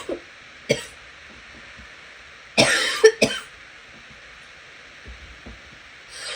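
Several harsh cough bursts, including a close pair, with quiet room noise between them.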